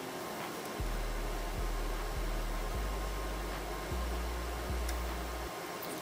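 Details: Steady low pump hum broken by short clicks as a HYLOGY MD-H12 digital upper-arm cuff releases air in steps during a self-measured reading of 99/71, pulse 63 per minute; automatic blood pressure cuff deflation.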